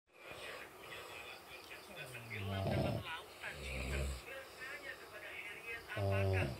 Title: Ngorok vs Ngorok, Mana yang Lebih Nyaring Suaranya